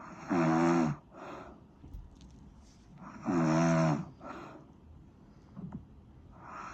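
Loud rattling snores on each inward breath with softer outward breaths, about 20 breaths a minute; snoring.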